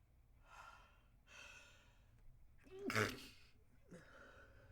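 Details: Stifled sneeze: quick breaths in, then a short, muffled burst held back rather than fully released.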